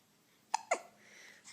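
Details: Two short, sharp hiccups about a fifth of a second apart in a quiet room, from a 3-week-old baby boy with baby acne, awake and in a good mood.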